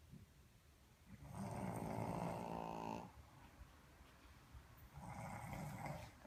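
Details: Boston terrier and a human snoring in a snore-off: two loud, rough snores with a rattling low buzz, separated by quiet breathing.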